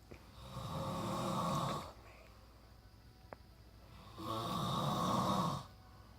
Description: Trying to sleep after long road trip and son is snoring his ass off.